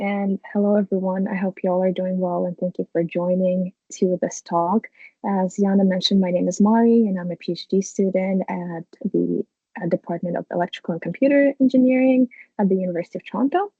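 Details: Adult woman speaking; Normal speech.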